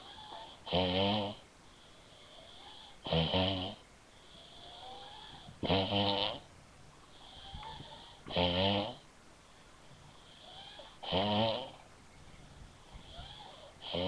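Rhythmic rattling snores on each in-breath, about five in fourteen seconds with soft whistling breaths between, in a quiet room: ordinary snoring.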